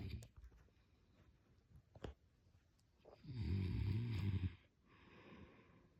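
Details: One loud, low, rattling snore on an in-breath followed by quieter breathing; snoring.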